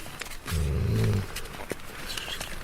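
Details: Tranquilized wild cougar lying calm with a hood over its head while a research team handles it: the cat's snoring.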